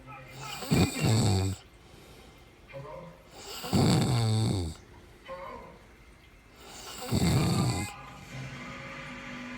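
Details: Woman caught sleeping, heavy snoring: three loud, rattling inward snores at about 19 per minute, with quieter outward breaths between.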